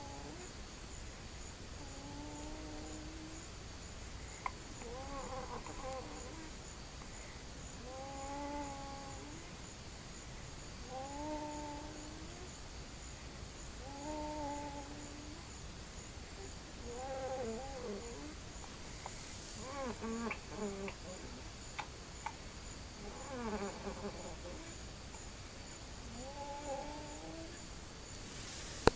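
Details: Stridor: soft, high, musical crowing noise on each breath, about 19 a minute, from a narrowed upper airway.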